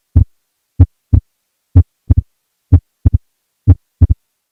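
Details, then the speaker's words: Wide splitting of S2, mildly split in expiration and more widely in inspiration; regular heartbeat about 62 per minute, second sound heard as two taps, wider on some beats. "next we can have a wide split where S2 is mildly split during expiration and more dramatically split during inspiration"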